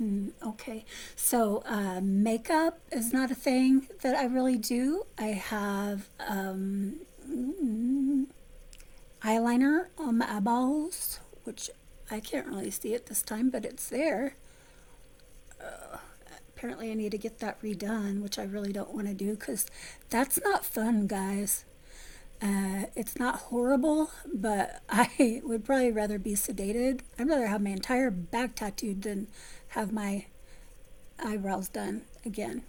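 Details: Adult woman with essential tremor since childhood, affecting her vocal cords for about 3–4 years, before focused ultrasound treatment; a voice-loss-causing medication had left her near-whisper, substantially better after stopping; essential voice tremor.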